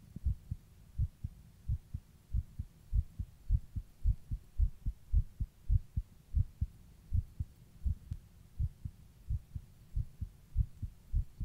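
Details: Steady paired low thumps at about 105 to 110 beats per minute, recorded while rebreathing in a plastic bag; mildly fast heartbeat.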